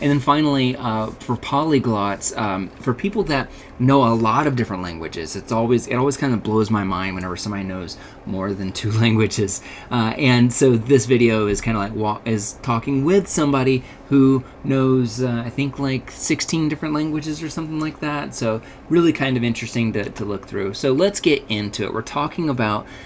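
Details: Adult man speaking; ordinary speech.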